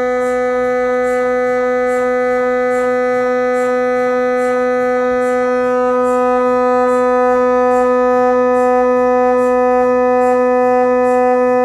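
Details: Steady loud droning tone with rapid regular ticking pulses, about 230 a minute, during an MRI scan checking a left leg fractured about 5 months earlier in a work accident; MRI scanner noise.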